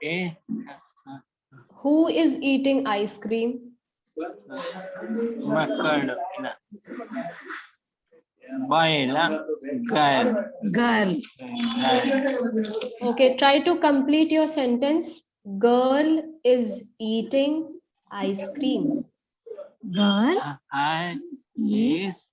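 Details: Adult man with aphasia in an online conversation-practice class with a speech-language pathologist, doing a timed picture-description task; the therapist notes he rushes to finish and has difficulty recalling words: aphasia.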